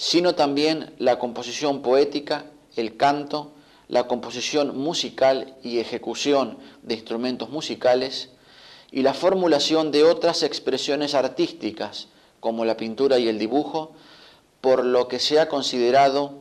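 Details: Adult male narrator; normal speech.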